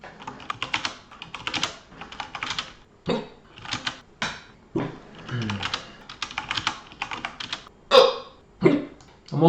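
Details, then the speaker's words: Adult with a bad hiccup lasting over an hour makes abrupt, sharp gulping sounds at irregular intervals over steady keyboard typing during a livestream: hiccups. "Uh I have a really bad hiccup right now. I've had it for over an hour as you can hear."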